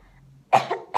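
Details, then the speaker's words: Single loose, forceful cough after a quiet pause: elderly man in a nursing role-play demonstrates effective cough after three deep breaths to expel phlegm into a sputum container; productive cough. "lalu dibuang ke kutub ke ke tempat sputum"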